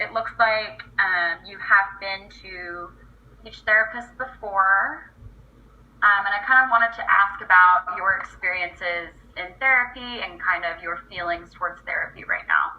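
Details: Adult woman speaking, role-played speech-language pathologist; clinician speech.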